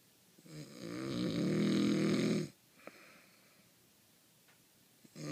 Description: Snoring like you have never seen before. I can't believe someone could snore like that.